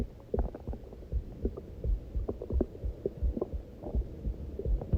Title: Heartbeat Sounds w/ Stomach Growling